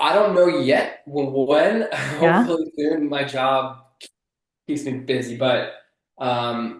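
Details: Adult man who has stuttered since childhood and still stutters in conversation; stuttering.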